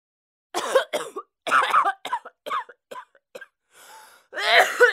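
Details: Acted cough sound effect: a series of short, harsh coughs and throat-clearing bursts from an adult.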